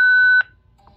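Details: Zoll X Series Advanced monitor during an AED shock self-test with the supplied test device, charging at 30 joules: a steady high electronic tone that stops abruptly, the defibrillator's charged, shock-ready alert.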